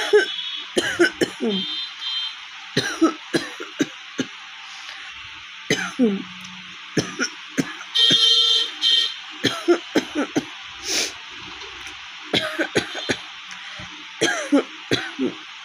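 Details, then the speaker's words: Real, not simulated, repeated short dry coughs in clusters from a woman with a severe cough, a cold, a hoarse cracked voice and a week of fever; recorded at a shop with a steady electronic tone behind. "প্রচণ্ড কাশি হয়েছে বন্ধুরা, মানে গলা পুরো ফেটে গেছে, দেখতে পাচ্ছি।"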